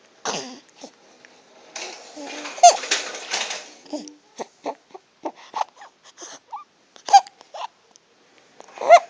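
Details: Stridor in a young child: harsh, squeaky noisy breathing mixed with clattering toy blocks.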